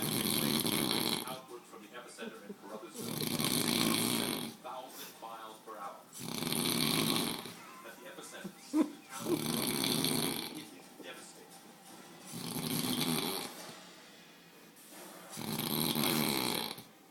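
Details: Adult man snoring heavily: loud, rough snores repeating about every three seconds, roughly 20 a minute, each followed by a quieter breath out.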